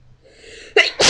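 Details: A few more sneezes: a quick in-breath followed by a sharp, explosive sneeze burst and a second forceful blast.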